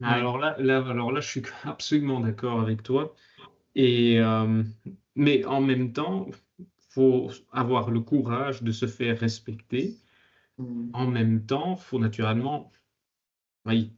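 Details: Adult male speaker; typical speech.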